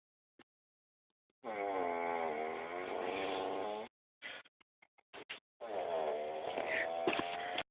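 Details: Man's snoring, described as weird: a long, loud buzzing snore with a strong musical, vibrating quality, then short choppy snorts and a second buzzing snore.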